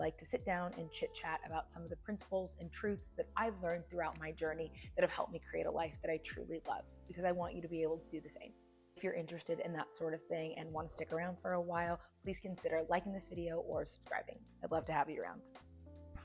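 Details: Adult woman speaking; Normal speech.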